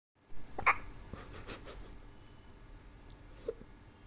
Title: Hiccups of my love❤️ best video on internet today #babylove #babyhiccups